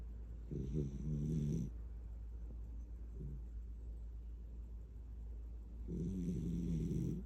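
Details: Light-sleeping child snoring while held in arms, two rough, low, fluttering snores on the in-breath separated by a quiet pause, with background hum.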